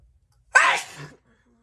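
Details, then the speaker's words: Woman who reports feeling unwell: a single forceful, wet-sounding sneeze with a sharp explosive burst, then a brief trailing exhale. "i'm sorry oh i wasn't expecting him to be that powerful"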